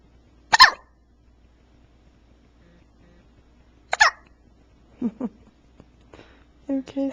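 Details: Baby at 4 a.m. just after her feeding, worst hiccups parent has heard from her but apparently not bothered; two sharp, abrupt bursts about three seconds apart followed by soft vocal sounds; hiccups.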